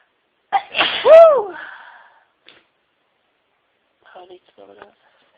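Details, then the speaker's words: Single loud sneeze with an indrawn breath before it, followed by quiet speech, during a prolonged sneezing fit of over 60 sneezes with a wet, runny nose. "Oh, excuse me. So sneezing today. My nose is all wet."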